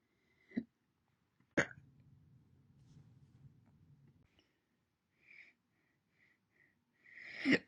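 A few short, sharp throat catches with soft breathy sounds between them, heard as single hiccups.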